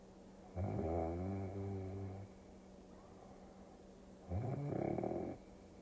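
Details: Snoring during sleep, from a sleep-aid ASMR recording: two long, low, rattling snores about four seconds apart, with a steady hum behind them.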